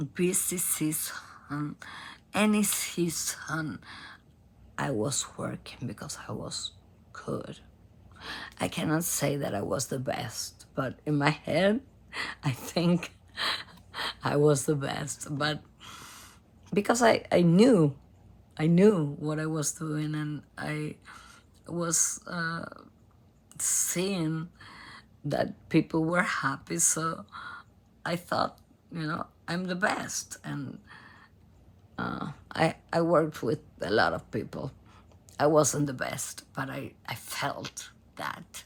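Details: Adult female singer diagnosed at Cleveland Clinic by nasal endoscopy with abductor spasmodic dysphonia, in which spasms of the vocal cord muscles open the cords; onset 2015, worsening; repeated Botox injections.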